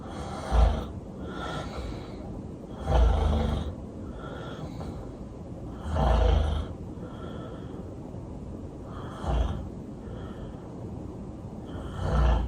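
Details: Loud snoring during sleep: deep, rattling snores with breathy exhales between, about 20 breaths a minute; heavy snoring.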